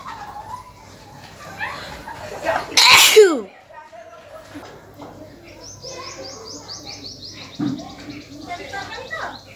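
One sharp, explosive sneeze after a short inhaling build-up. Birdsong and household noise are in the background.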